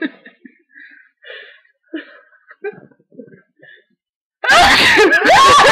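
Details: Sneeze attempted with eyes open: soft sniffs and quick breaths build up, then one sudden, loud, explosive sneeze.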